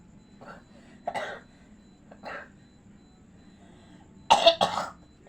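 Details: Acted coughing: several short coughs and throat clears ending in two louder coughs, imitating a pocong ghost sick with a cough and unable to go home for mudik; simulated cough, not a real patient.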